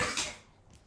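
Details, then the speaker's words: Older dog, owner says very unwell and has had lumps, coughing repeatedly: a single brief, harsh cough burst fading quickly into quiet room noise. "Oh, God, is she coughing again now? Come here, miss. Oh, all right then. Oh, dear. You all right, miss?"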